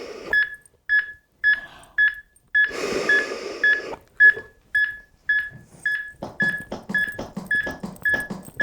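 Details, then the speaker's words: AED training unit after a shock was delivered, voice prompting CPR with overlapping hands mid-chest in time with its metronome: steady beeps about 110 per minute, with compression thuds following the beat. "Place overlapping hands in middle of chest. Press directly down on the chest in time with metronome. Remain calm. Good compressions."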